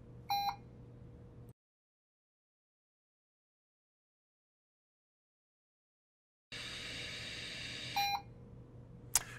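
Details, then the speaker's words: Puritan Bennett 560 ventilator during pre-use exhalation flow sensor calibration with circuit end occluded, lasting about a minute: short electronic beeps over low machine hum, little flow initially, then flow ramps to a louder steady airflow hiss with another beep; calibration passed. "so right now it's in the process of doing the exhalation calibration this takes probably about a minute initially you don't hear much flow but eventually you'll hear the flow ramp"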